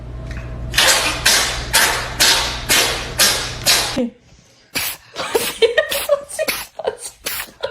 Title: Try Not To Laugh At These Cats Sneezing 😂